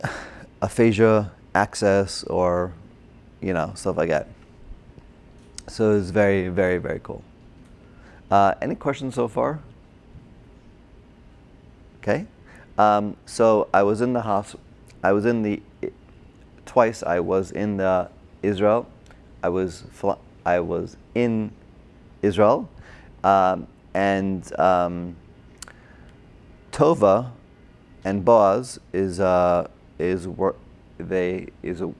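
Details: Adult man, a former paramedic, with Broca's aphasia from a stroke during heart surgery in 2007, about 10 years earlier; difficulty with names, numbers, reading and writing; had OT, PT and speech therapy; Broca's (expressive) aphasia.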